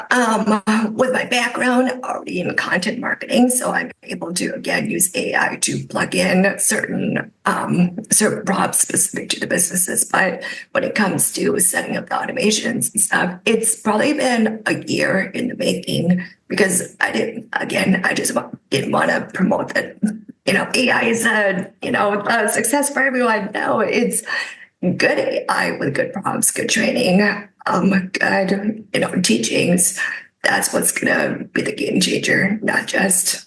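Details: Adult woman with spasmodic dysphonia caused by neck trauma about 5 years ago; unable to speak for about 2 years; treated with Botox injections into the neck, which help but do not cure; spasmodic dysphonia.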